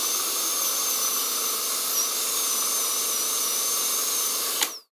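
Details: Dentist's drill with aspirator: a steady high-pitched whine over a constant suction hiss, stopping abruptly at the end.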